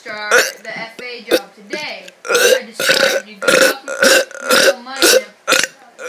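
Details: About a dozen long, loud, voiced belches in rough succession over six seconds; repeated forced "mega" burping.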